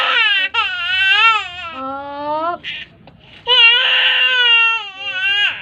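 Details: Infant crying: loud, high-pitched wailing in long bursts, with brief pauses between cries.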